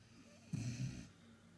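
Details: Sleeping beagle, described as a snorty dog, gives a single short, low, fluttering snort-like breath; snoring.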